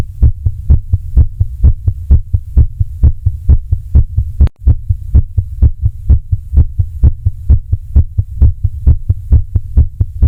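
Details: Heart sounds with regular low thumps at about 130 per minute over a steady low hum: a rapid but regular rhythm.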